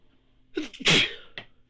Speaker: Oh, and our last one was assisted by the photic reflex.